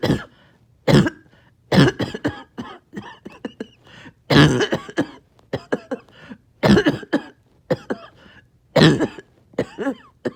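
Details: Productive cough after a breathing treatment, part of nearly 40 minutes of painful mucus clearing: repeated harsh, wet coughing bursts with throat clearing, gagging and choking on phlegm.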